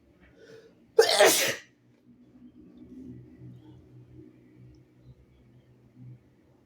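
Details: A sick nonbinary person sneezing, with some harsh coughing elsewhere in the recording: one loud, explosive sneeze followed by quiet breathing and faint room noise.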